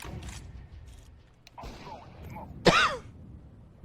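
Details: During a Twitch gaming stream, an adult gives a single sharp, partly voiced cough after a few seconds of quiet room noise: a cough.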